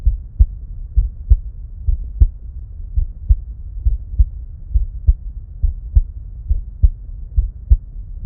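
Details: Heart sounds recorded with a 2nd-generation EKO DUO stethoscope alongside simultaneous ECG: steady paired lub-dub at about 67 beats a minute.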